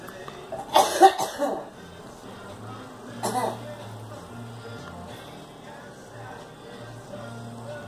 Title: Girl coughing